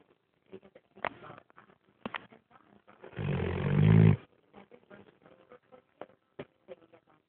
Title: snoring